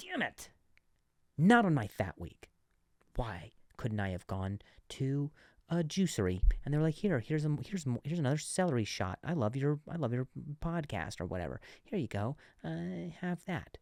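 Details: Adult male comedian who stuttered and still sometimes stutters, speaking on his own podcast; stuttering.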